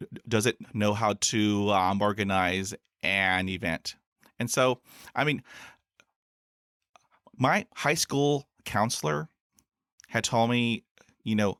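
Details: Adult man who stutters, with about 20 years of speech therapy in school, college and the US Air Force; stuttering.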